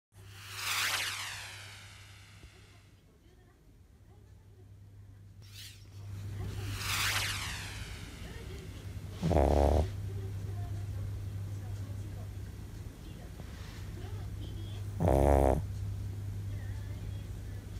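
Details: Tired Shih Tzu dog after an outing, sleeping: loud, irregular snores, some with a whistling rise and fall, others short snorts; snoring.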